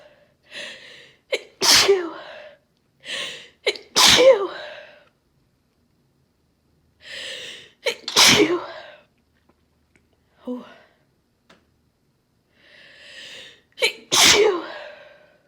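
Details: Induced sneezing in a female recovering from a cold, still congested and stuffed up, after taking chhinkni: four sneezes, each with a short breathy build-up and a sharp explosive burst, with quiet pauses between.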